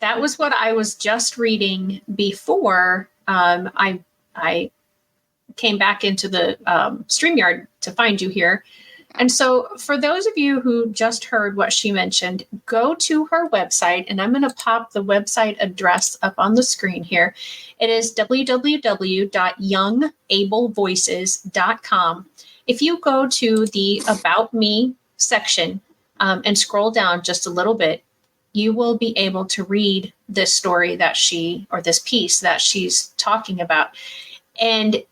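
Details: Adult woman speaking; ordinary speech.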